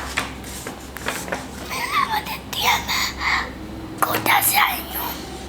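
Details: 10-year-old girl with left vocal cord palsy and a 2.5-year history of voice change, recorded before voice therapy; breathy voice with mostly air and little audible voice; breathy voice (unilateral vocal cord paralysis).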